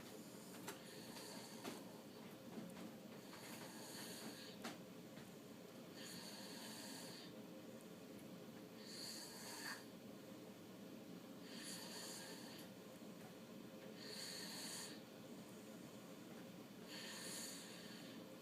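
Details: Maya, who gets up at 5am and crashes by 6am, asleep: soft, breathy snoring about every 2–3 seconds, roughly 23 a minute, over steady room hum; quiet snoring.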